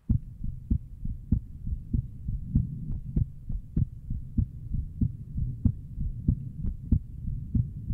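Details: Steady thudding lub-dub heartbeat at roughly 95–100 a minute, no obvious extra sounds, from a streamer, around jumping jacks; normal heartbeat.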